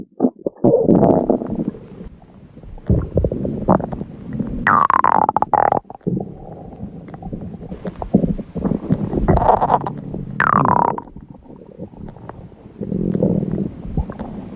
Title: Red Panda Owen's Cute Stomach Growl